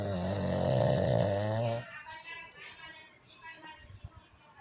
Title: chaco is snoring..🤣🤣